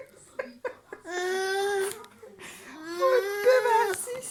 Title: My son got scared when I sneezed